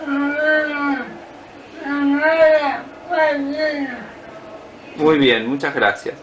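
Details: Female patient with amyotrophic lateral sclerosis (ALS) with lower motor neuron involvement and tongue fasciculations, demonstrating dysarthria in a clinical lecture; dysarthria.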